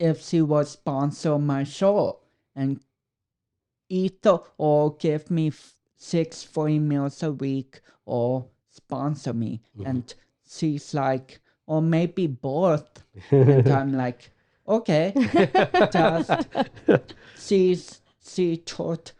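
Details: 32-year-old man with cerebral palsy, which he says affects his speech coordination and walking; dysarthria (cerebral palsy).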